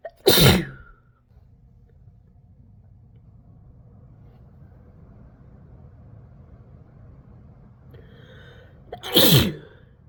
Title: compilation of induced and natural sneezes